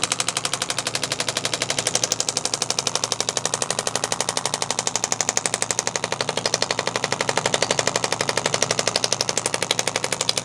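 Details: Radial shockwave therapy, first session, on a student's shoulder and scapula area with backpack-strap wear-and-tear pain: fast, very regular percussive pounding, about four pulses a second, like a very strong Theragun slapping the skin.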